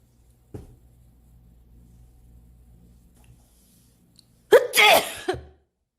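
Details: Quiet breathing, then a sudden sharp burst with a short voiced tail, from an Asian girl in a sneezing compilation; a sneeze.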